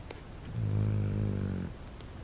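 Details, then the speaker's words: Sleeping dog snoring: a single deep, buzzing snore lasting about a second, low and steady. "He's snoring. Uh-oh."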